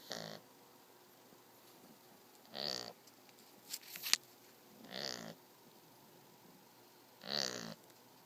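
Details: Soft, buzzing snuffly breaths about every two and a half seconds with small clicks between, from an 8-week-old Shar Pei puppy; light puppy snoring.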